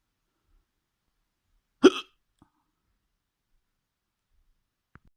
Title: Experimenting with my hiccups part 2 Experimente mit Schluckauf Teil 2